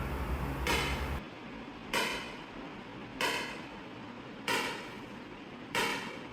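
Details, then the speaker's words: Extracorporeal shock wave lithotripsy (ESWL) of a residual stone in a stented right kidney, stone focus checked: sharp, regular cracking bangs about 47 a minute over machine hum, felt only as slight vibration; lithotripsy shock wave firing. "थोड़ी सी vibration महसूस होती है कि जैसे यह vibrate कर रही हो और कुछ भी नहीं होता।"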